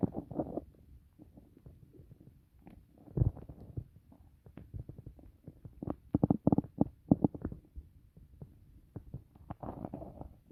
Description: After a steak, rice sith tomatoes and carrots... I feel.it everything moving around, enjoy it!